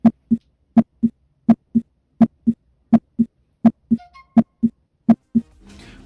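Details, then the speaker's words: Regular, normal lub-dub heart sounds at about 83 beats a minute, heard at the mitral area in the fifth intercostal space below the midclavicular line. "Ahora continuaremos con el foco mitral, el cual se localiza sobre el quinto espacio intercostal, por debajo de la línea medioclavicular, justamente aquí. Y procederemos a escuchar."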